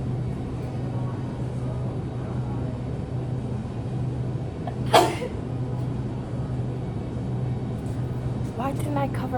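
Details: A single sudden, sharp, explosive sneeze over steady road or engine rumble, followed by brief speech; deliberately triggered sneezing from a series on sneezing nonstop.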